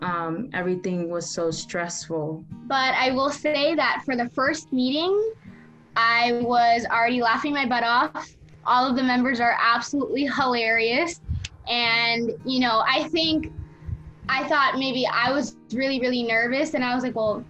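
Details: Young adult woman speaking; normal fluent speech.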